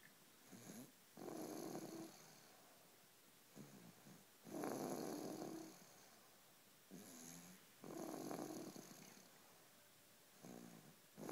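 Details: Small animal snoring while asleep: soft rhythmic snores, a noisy breath about every three seconds, roughly 18 a minute.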